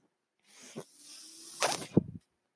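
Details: Mechanical ventilator breath from the speaker's own ventilator, heard during speech: a steady airy hiss of delivered air, then a louder rush and a soft clunk as the cycle ends.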